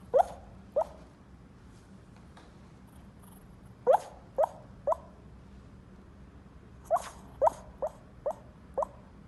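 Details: Sleeping puppy snoring: short, high, drip-like peeps and plinks in loose clusters, about ten in nine seconds, light snoring with a whistling quality, likened to raindrops.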